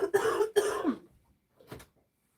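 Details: Two loud, harsh, voiced coughs in quick succession, then a faint third cough or throat clear; an adult with bronchitis who is taking amoxicillin and using an inhaler.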